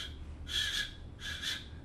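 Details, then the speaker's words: Lecturer's vocal imitation of a high-flow ejection systolic murmur, contrasted with harsh crescendo-decrescendo aortic murmurs; imitated ejection systolic flow murmur. "whereas this ejection systolic murmurs related to high flow or like"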